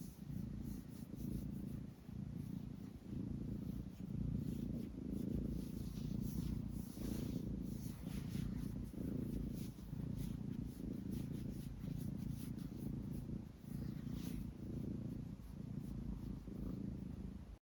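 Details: A relaxed cat makes a continuous low rumble rising and falling with each breath; purring or light snoring.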